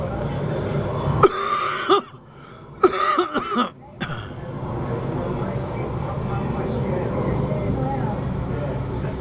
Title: SONIDO DE UNA PERSONA CON TOS